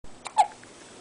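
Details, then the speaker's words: Six-day-old baby girl with hiccups after a big feed, falling asleep: two soft, abrupt catch sounds in a quiet room, a sharp breath-stop. "she's just had a big feed but she's got the hiccups there it was"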